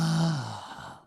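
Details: Third voice sample from a patient seen in a dysphonia case conference: voice begins to vibrate with some periodicity, and diplophonia emerges from difficulties in mucosal vibration.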